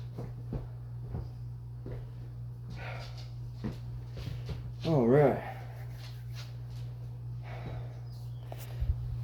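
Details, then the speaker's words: Repeated sharp clicks and pops from the shoulder of an adult doing calisthenics push and pull exercises, after two motorcycle wrecks and surgery, with a strained grunt: shoulder joint crepitus. "you can hear my shoulder popping like crazy whenever I do these"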